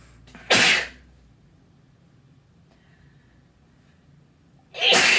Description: I sneeze in my OWL jersey